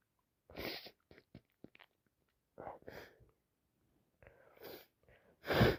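Build-up breaths and short catches leading into several wet sneezes, the last one loud and explosive; sneezing during a cold.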